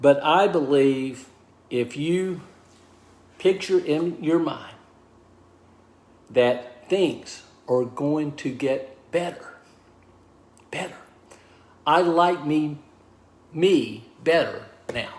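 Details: Aphasia in a man of about 63 after a stroke, diagnosed 26 months earlier; initially unable to talk or write, now relearning speech, mixes up words and slows down to avoid slurring.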